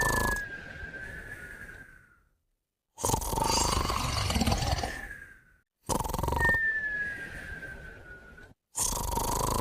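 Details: Moumou and a puppy sleeping together: loud, rough snoring breaths about every three seconds, some with a falling nasal whistle, separated by short silences; snoring and whistling.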